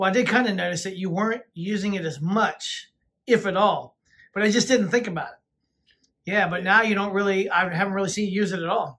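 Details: Adult speaker; ordinary speech.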